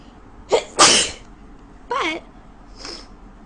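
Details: Woman with a very bad cold, in bed in the morning: a sharp inhaled catch, a loud explosive sneeze, then a brief voiced sound and a softer exhale. Sneezing.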